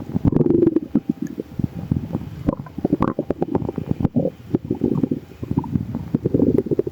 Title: bubbly🫧 | stomach growling